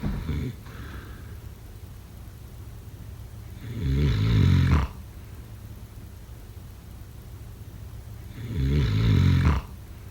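Deep, rattling snores roughly every five seconds, about 13 a minute, with quiet exhalations between; ordinary heavy snoring.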